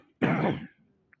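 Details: Adult man, a politician reported to be under medication, interrupted mid-speech by a single deep, harsh cough or throat clear.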